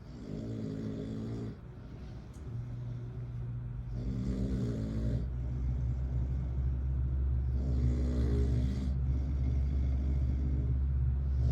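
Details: Adult man snoring on vacation, recorded by his child: rattling snores on three breaths, one every three to four seconds, against steady vehicle rumble. Snoring.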